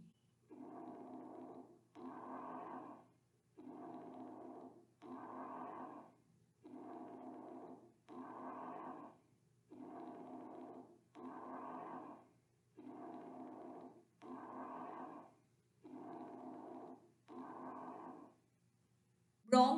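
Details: Normal bronchial breath sounds heard over the trachea: loud, hollow, blowing breaths with a brief pause between inspiration and expiration, inspiration slightly shorter than expiration, about 19 breaths a minute.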